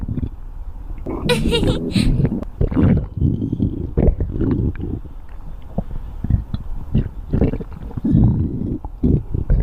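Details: Loud, low, drawn-out gurgling and rumbling with bubbly pops; stomach growling (borborygmi) from gas and fluid moving through the gut.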